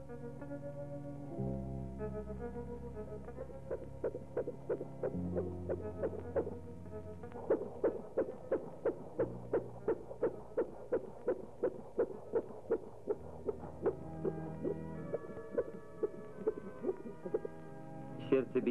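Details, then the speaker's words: Fetal heartbeat in breech presentation: rapid, regular pulsing beats, roughly 170 a minute, over background music; in breech it is heard best above the navel, in cephalic below the navel. "nella presentazione cefalica, il battito cardiaco si sente più chiaramente sotto l'ombelico a destra oa sinistra, a seconda della posizione del feto."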